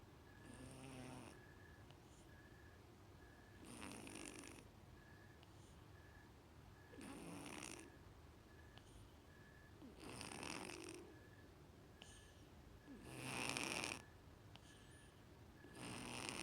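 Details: Sleeping female cat, a former stray with leftover breathing issues from cat flu: soft, regular, snuffly snoring of about five breaths over sixteen seconds, with steady faint beeping in the background.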